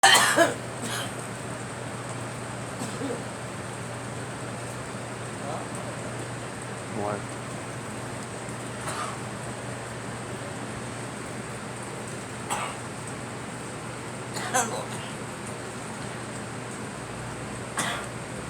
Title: Girl coughing